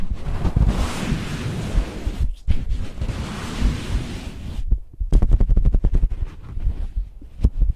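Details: ASMR recording of a woman's own heartbeat close to her chest while lying down and using her phone: muffled rushing rubbing noise, then soft, low, repeated "toku-toku" thumps; normal heartbeat.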